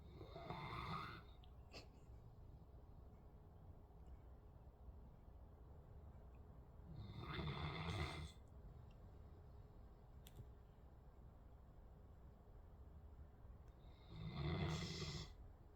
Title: My dog snores LOUD! 😂😂😂